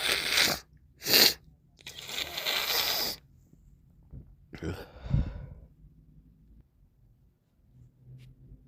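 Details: Morning sneezing with a congested, runny nose; sharp hissing bursts and a longer rushing blow, then wet nasal sniffles and a snort.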